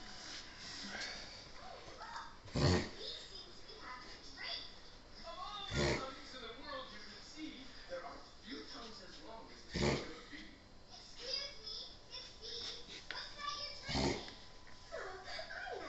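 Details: A female dog's unusually long reverse-sneeze episode, afterwards seeming better: a long run of harsh, snorting inward breaths with sharper bursts about every four seconds; reverse sneezing.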